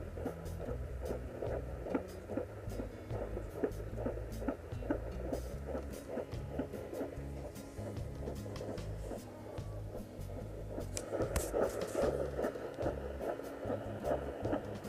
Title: Fetal Heartbeat (19 weeks)